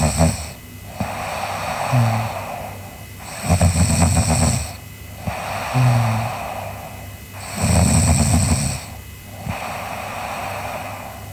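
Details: Sleeping girl snoring: regular loud, rumbling snores about every four seconds with softer snorts on the out-breath, about 15 breaths a minute.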